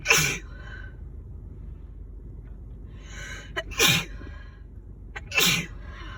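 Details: Three forceful sneezes with sharp explosive bursts and brief inhaled build-ups, from a person sick with a winter cold who had intense nonstop sneezing; quiet room with a low steady hum.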